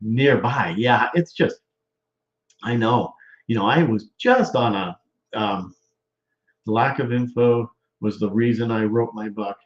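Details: Male stroke survivor with aphasia; was initially in a wheelchair and barely able to talk, and still struggles.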